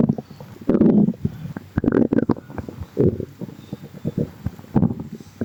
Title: some gurgles | stomach rumbling